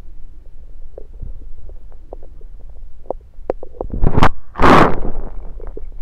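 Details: Stethoscope moved around the belly: irregular low gurgles and rumbles with brief louder bursts; ordinary bowel sounds.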